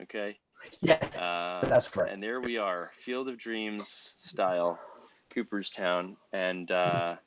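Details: Adult male speaker; typical speech.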